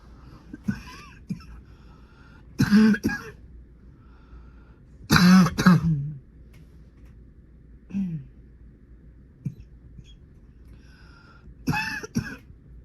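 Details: Cough from a bad common cold in late winter or early spring: harsh, throaty coughs and throat clearing in a few bursts.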